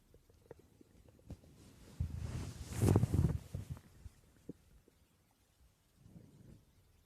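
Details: Stomach growling recorded during sleep: quiet background with scattered gurgles and a louder rolling rumble of about two seconds; ordinary borborygmi.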